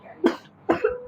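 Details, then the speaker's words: Child's two short, dry, deliberate coughs, apparently feigned to avoid going to tuition, though the child insists it is a real cough. "അയ്യോ അപ്പൊ കള്ള ചുമയാണോ അന്നേരം? അല്ല സത്യം ചുമ സത്യം ചുമയാണോ?"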